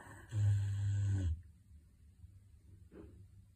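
One loud, deep, rumbling breath with a rough snort, then a quiet pause and a softer breath: a large dog snoring.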